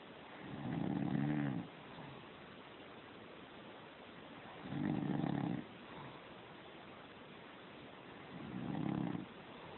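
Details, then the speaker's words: Adult man (father) asleep after dozing off watching TV: regular low, buzzing snores about every four seconds, roughly 15 a minute, with quiet breathing between; adult snoring. "This is Dad snoring."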